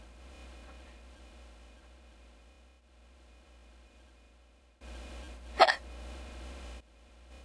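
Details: Simulated hiccup: an AI-generated imitation of a female character hiccuping while live-streaming, a single brief, sharp hiccup sound over faint background noise.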